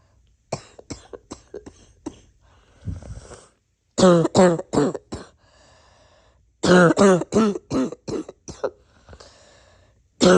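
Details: Repeated coughs mixed with throat clearing, in a recording of wheezy, congested and barky coughs.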